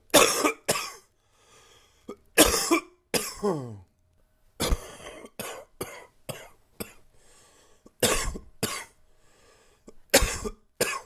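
Repeated coughs in clusters, about a dozen bursts with a wheezy in-breath between them; a loose, chesty cough with congestion from a cold.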